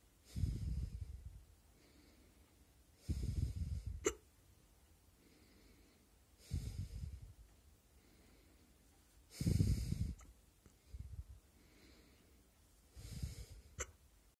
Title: My neck hiccups